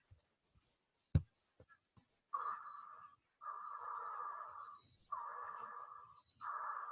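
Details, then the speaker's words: Auscultation teaching example of wheezes (sibilos): long, musical, high-pitched sounds in both inspiration and expiration, multiple and widespread, from narrowed airways. "já o sebiro aparece também tanto na respiração pode na inspiração tem uma frequência mais alta ou seja um som mais agudo e eles são múltiplos e disseminadas"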